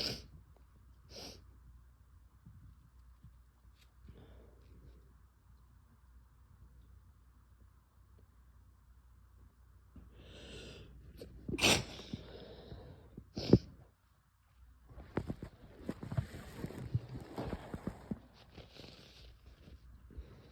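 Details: Several sharp, forceful sick sneezes with nose-blowing and sniffling between them in a quiet room; sneezing with a head cold.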